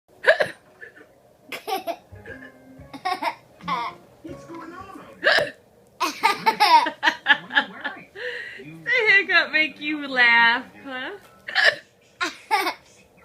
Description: Once again, fake hiccups are comedy gold to this kid.